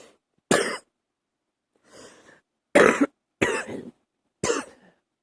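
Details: Early-morning coughing, stifled to keep quiet: four short, sharp coughs with a softer muffled one between them, some cut short in a quiet room.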